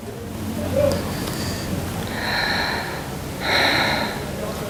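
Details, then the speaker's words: Stethoscope chest auscultation of an adult woman breathing through an open mouth, at the apex; two soft, even inhalation/exhalation airflow sounds with no added sounds; normal breath sounds. "okay so all I'm hearing is just normal sounds on the website we're going to differentiate abnormal and normal okay"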